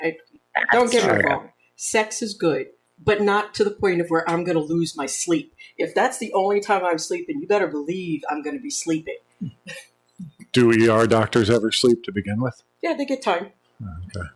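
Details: Adult women in conversation; normal speech.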